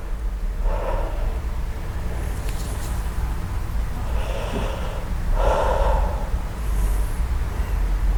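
A few soft, airy mouth breaths, slightly deeper than usual, over steady low room hum: normal deep mouth breathing.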